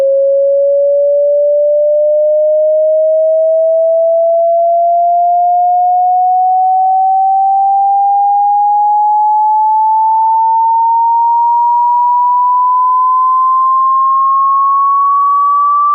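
A pure steady tone rises slowly and evenly in pitch from a mid hum to a higher whistle: part of a hearing-test frequency sweep.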